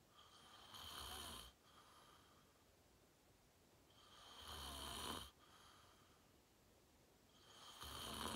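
Loud, rough snores on each breath in, roughly every three and a half seconds, with quiet breathing out between; heavy snoring in sleep.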